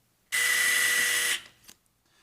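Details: About one second of high, steady whining, then a faint click: a surgical power drill driving an olive wire (or K wire) to temporarily fix a posterior fibula plate on an ankle fracture.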